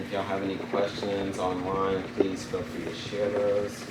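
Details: Adult male speaker; Normal speech.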